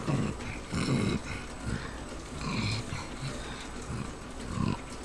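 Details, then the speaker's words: Female pug with breathing problems: repeated low, wet snorting and grunting breaths, weird-sounding breathing; brachycephalic obstructive breathing (snorting). "you can hear her breathing and how weird it is"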